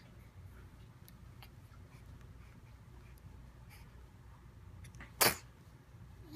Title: Newborn sneeze